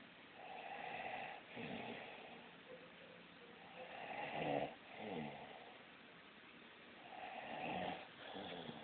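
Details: An adult man sleeping: loud, rough snoring with a rattling, engine-like quality, likened to an old car, repeating at roughly 18 cycles a minute in a quiet room.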